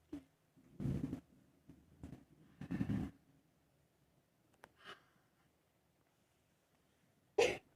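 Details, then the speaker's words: Simulated hospital role-play by a student: effective cough technique demonstrated to a seated woman patient whose lungs are blocked by mucus; two deep breaths, then short, forceful cough bursts to clear sputum. "Jadi Ibu apakah bersedia untuk mengeluarkan lendir lendirnya jadi ibu cara mengeluarkan mandi itu dengan cara Tarik nafas dua kali lalu yang sekalinya itu coba untuk dibatukkan ibu saya contohkan dulu ya ibu ya"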